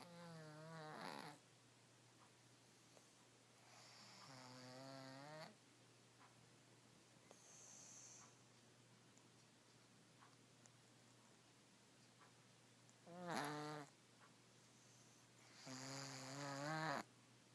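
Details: Snoring through nasal congestion from a pet cat that is very sick with a sinus infection: irregular, whistling, pitched snores.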